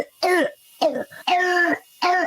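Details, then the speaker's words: Young child with croup: four short, harsh, barking seal-like coughs, presented in a pediatric health segment on croup, which also causes hoarse voice and high-pitched inspiratory noisy breathing. "It's called the croup. It causes feel-like barky cough, hoarse voice."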